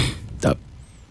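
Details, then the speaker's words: Brief harsh voiced burst vocally imitating the murmur of aortic stenosis, a narrowed aortic valve, in a patient with chest pressure, tightness, shortness of breath or dizziness, as described by an interventional cardiologist. "that's a valve called the aortic valve becoming narrowed aortic stenosis"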